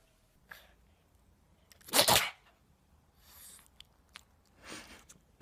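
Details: A single sharp, explosive sneeze from a pet cat or dog, with faint snuffles and breathy sounds in a quiet room.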